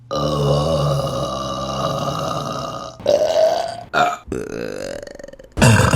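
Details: Burp compilation: a long, loud, drawn-out belch with a deep rumbling tone, then several shorter burps; repeated belching.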